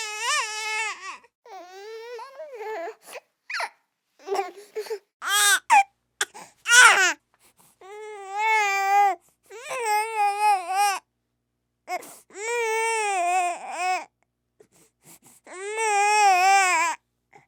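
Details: Real infant crying: repeated loud, high-pitched wails with gasping pauses between them; baby cry recorded as a sound effect.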